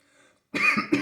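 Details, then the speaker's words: Adult with stage 4 alveolar soft part sarcoma, recently coughing up blood, breathless, losing weight: a harsh cough burst with a second short cough in a quiet room; cough intensifying over recent days, taking cough syrup. "coughing is still there it's been getting a little more intense in the last couple days which is why I went out and got the cough syrup hopefully that works"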